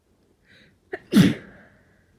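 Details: Forceful, unstifled, non-induced sneeze during a cold: quick inward catch of breath, then one explosive sneeze with a short hissing tail.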